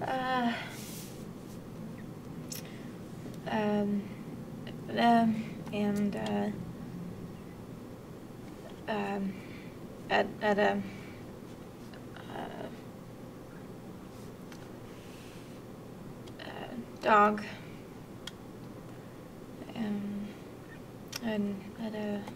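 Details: Severe non-fluent Broca's aphasia, an acquired language disorder; comprehension better than expression, with loss of grammar and small linking words, and halting, effortful speech with fillers; Broca's aphasia.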